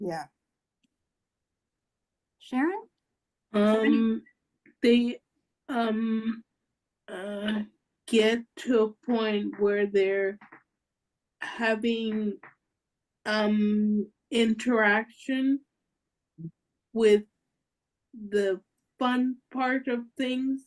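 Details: Real adult woman with aphasia who is a member of an aphasia institute and helps train conversation partners; aphasia.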